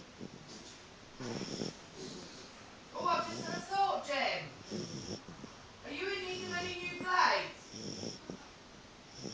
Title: Puppy snoring